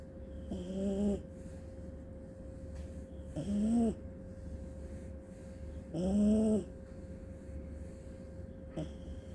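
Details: Soft, groaning snores from a sleeping small dog tagged as an Aussie pup and papillon, about three in nine seconds, over a steady room hum; ordinary contented sleep snoring.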